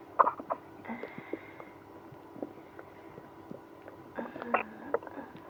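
Quiet gurgles, squeaks and drawn-out tonal groans over faint room noise: stomach growling, active bowel sounds.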